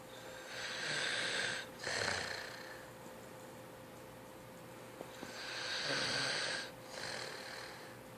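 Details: Teenager asleep after picking the movie: two slow, noisy sleep breaths, each a hissing, slightly whistling in-breath then out-breath, about 12 breaths a minute, over faint room hum: snoring.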